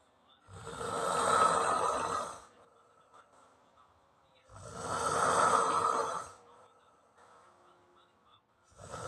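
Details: Person snoring: loud, harsh rattling snores on each inhalation, about every 4 seconds (roughly 15 breaths a minute), with quiet exhalations between.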